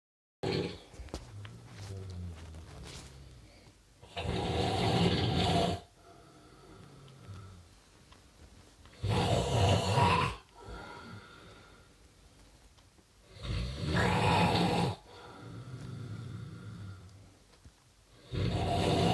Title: snoring